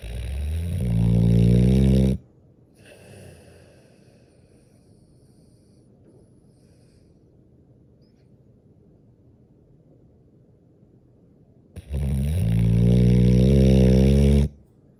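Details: Loud, deep, rattling snores from a sleeping boxer puppy, two long vibrating breaths separated by a quiet pause of about ten seconds.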